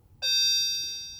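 A single clear electronic beep, fading over about a second: an infusion pump alert for unloaded tubing.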